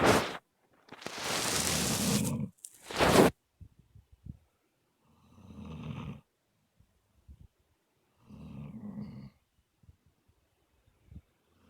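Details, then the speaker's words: Snoring kind of loud during a nap: a loud noise opens, then low rumbling snores every few seconds with quiet breathing between them. "You having a good nap, sweetheart? Yeah. Mm, yeah. You're snoring kind of loud. I'm trying to watch something, baby."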